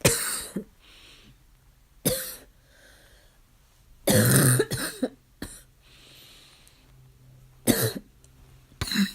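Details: A child's coughing fit of about seven harsh bursts with a barking quality, still barking; typical of upper airway irritation.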